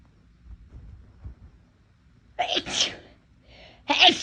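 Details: Induced sneezing from a person whose nose felt more sensitive than usual that day: quiet sniffing and breaths build to a sneeze, followed by a second sharp sneeze.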